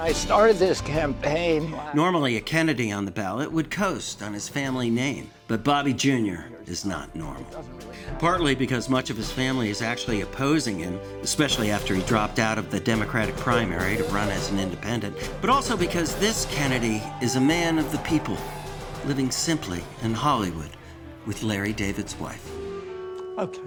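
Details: Adult male narrator with background music; ordinary fluent speech.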